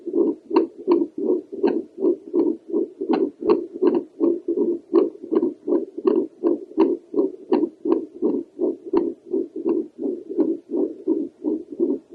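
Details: Woman's Doppler heartbeat over the pulmonary valve, mitral valve possibly heard behind: rhythmic whooshing pulses about 80 a minute with sharp valve clicks.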